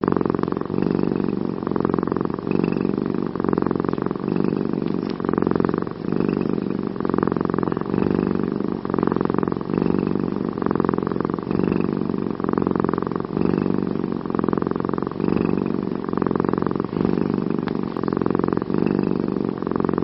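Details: Cat snoring while asleep: steady, rumbling breath sounds repeating about once a second, like deep purring.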